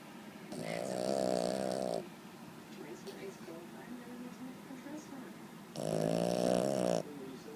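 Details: Two loud, drawn-out rattling snores, each lasting over a second, separated by quiet breathing in a small room; snoring.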